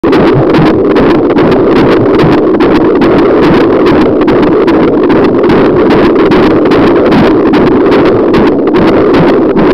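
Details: Fast, rhythmic whooshing thumps at about 145 a minute: a fetal heartbeat in the womb during pregnancy, picked up with a fetal Doppler.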